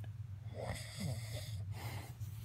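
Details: Husband snoring during sleep: low, rough, rattling breathing with a fluttering buzz on the breath; snoring.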